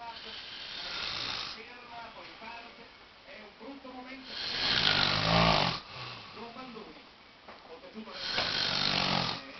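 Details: Harsh, loud rattling snores every few seconds from a man who fell asleep watching Olympic race walking on television, commentary in background; snoring.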